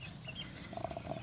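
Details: Sick chicken with ngorok (chicken flu) from a blocked respiratory tract, attributed to weather change: soft, rapid rattling snore on breathing, a sign of congested airway.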